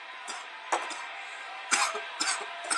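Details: Repeated harsh coughs in quick succession, about five bursts in under three seconds, over television commentary: a coughing fit.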